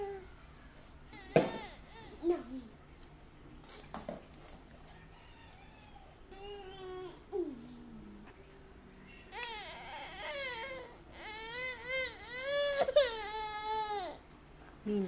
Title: So funny baby angry